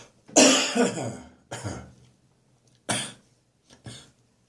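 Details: Adult waking in the morning with a congested cough: four loose, rattly wet coughs in a row.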